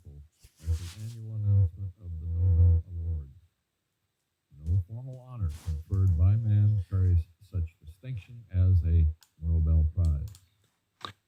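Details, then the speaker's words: Simulated bilateral moderate-to-severe sensorineural hearing loss, left ear, male voice; speech is muffled and dull like hearing with the head underwater, with crisp sounds lost and reduced volume, clarity and tone. "so for the left side it sounds like the heads your heads underwater and somebody speaking above it and you know it's quite diminished not so clear so there's a volume Clarity and tonality issue"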